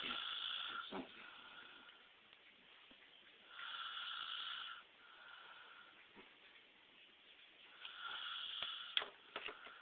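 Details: Snoring: high-pitched, whistling snores in three episodes about every four seconds over faint room noise.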